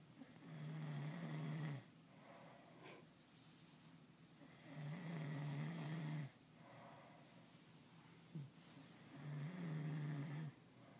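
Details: Two people competing for the loudest snore: rhythmic low rumbling snores on each inhalation, about 14 a minute, with quiet pauses between; ordinary snoring.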